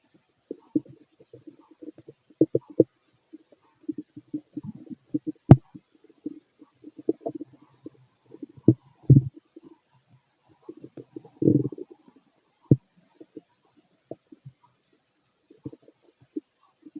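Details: Fit adult male's abdomen through a stethoscope during digestion of a mixed meal: irregular low gurgles and rumbles with occasional louder bursts, ordinary bowel sounds.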